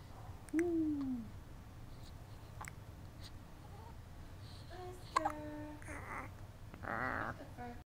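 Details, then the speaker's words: 2-week-old boy with recurrent hiccups: soft coos and vocal sounds broken by a few abrupt, brief hiccup catches. "get the hiccups. Oh, it's gotta be uncomfortable. Awful hiccups."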